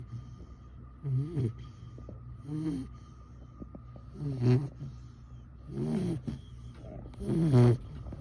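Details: Four-month-old boxer/bully puppy asleep after a long walk: low, fluttering snoring on each breath, five snores in about eight seconds, faint room noise between.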